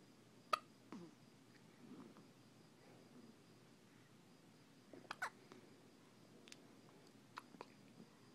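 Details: Several brief, sharp, quiet gulping clicks spaced irregularly over about eight seconds in a quiet room, from a male who is said to always have hiccups; hiccups.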